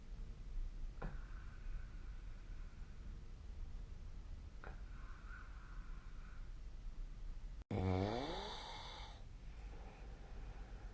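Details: Snoring during sleep: soft breathing over room hum, then one loud vibrating snore with a falling pitch.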